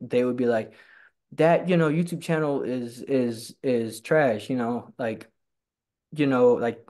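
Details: Stuttering in a man who stutters and attends stuttering support group meetings.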